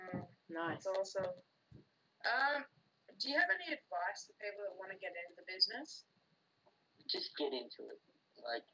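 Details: Adult speaker; typical speech.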